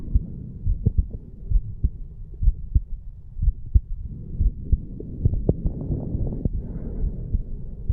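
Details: 34-year-old man after the farmer's walk exercise, heartbeat recorded over the mitral (bicuspid) valve area, valves opening and closing normally; normal heart sounds after exercise.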